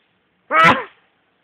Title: SNEEZING AND BLOWING MY NOSE IN THE MORNING